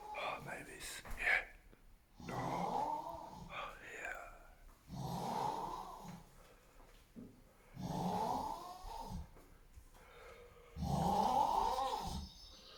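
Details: Snoring while asleep: loud, rough, rattling snores roughly every three seconds, each a long noisy inhaled rumble with fluttering tones; heavy snoring.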